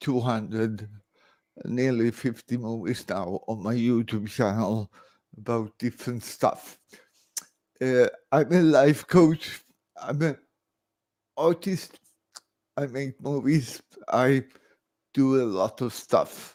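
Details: Adult man born 1968 with severe cerebral palsy after about 45 minutes without oxygen at birth; speech recognition programs struggle with his speech; dysarthria.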